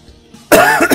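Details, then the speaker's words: A single loud, voiced cough with a rough, throaty edge after a brief quiet moment, from an adult who says he is still ill with a sore, hoarse throat. "Я все равно еще, ну, слышите, в конце концов, кашляю. Я все равно еще болею."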